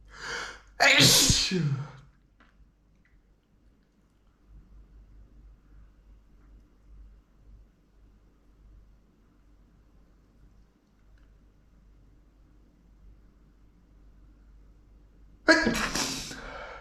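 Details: Adult male deliberately inducing powerful, messy spray sneezes: two wet, explosive sneezes separated by a long quiet stretch of soft breathing.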